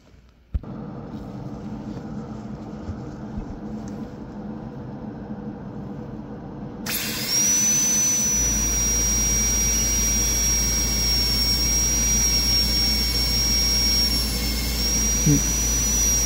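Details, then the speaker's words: Steady high-pitched whine of a dental high-speed handpiece with a 330 bur during endodontic access preparation on anterior tooth #8, over low room hum, in an ADEX-style exam demonstration. "so let's try to uh drill with the real bar so since I like to work with the 330 let's work with the 330 first"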